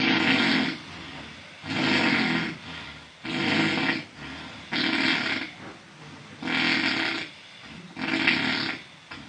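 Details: Loud, harsh, rasping snores repeating about every two seconds with quieter breaths between, a man heavily snoring during sleep, reportedly in jail.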